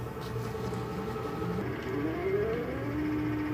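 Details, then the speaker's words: Eclipse 5 portable oxygen concentrator powering on after the power button is held two to three seconds: steady motor hum with a rising whine at the start of a five-minute warm-up; normal start-up sound. "to turn the unit on hold the power button down for two to three seconds and release it"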